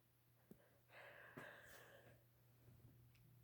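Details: Female sneeze: a soft breathy intake builds into a single sudden sneeze burst, recorded quietly with a low steady hum behind it.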